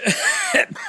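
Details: Short, rough, harsh throat clearing with a brief second catch from an adult smoking a cigar.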